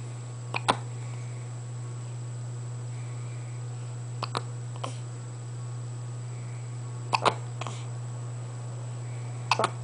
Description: eve has the hiccups and does all her other tricks at the same time!